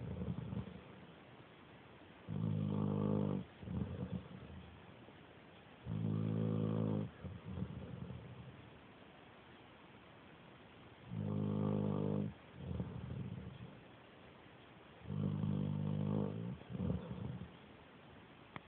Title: My mom's dog snores like a little pig